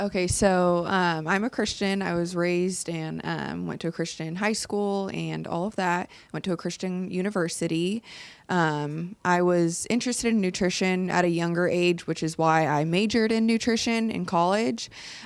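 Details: Adult woman speaking; Normal voice.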